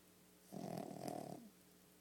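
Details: One rough, rattling snoring breath lasting about a second against quiet room noise.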